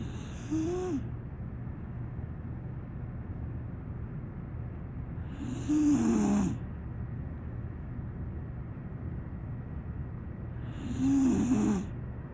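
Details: Pocket pit bull–type rescue dog snoring while asleep: three loud, rattling, whistly snores with quiet gaps, about 11 a minute; ordinary dog snoring.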